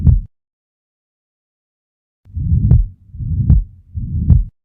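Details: Ventricular septal defect murmur heard on auscultation at the lower left sternal border.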